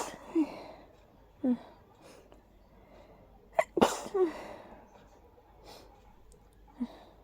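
A run of small, stifled sneezes with catching breaths between them in a quiet room; a mild sneezing fit from hay fever.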